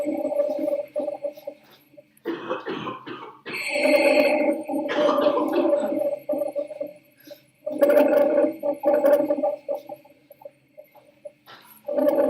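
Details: Teaching example of rhonchi: coarse, low-pitched rumbling, gurgling breath sounds in long bursts, caused by mucus obstructing the airway.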